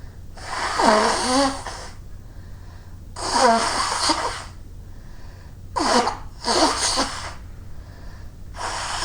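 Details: Person sneezing repeatedly in winter after clearing snow, with a running nose needing a handkerchief: four forceful sneezes, each a brief voiced intake then a loud burst of air, over steady room hum.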